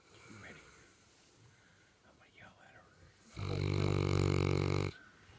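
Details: St. Bernard sleeping on the couch: quiet room, then one loud, deep, buzzing snore about 1.5 seconds long; heavy snoring.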